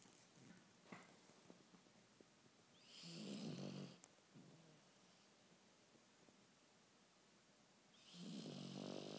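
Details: Sleeping dog in the dark snoring: slow, rasping snores with two long noisy in-breaths about five seconds apart and quiet breathing between; snoring.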